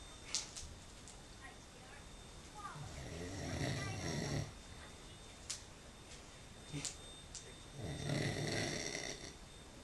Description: Man snoring loud and waking himself up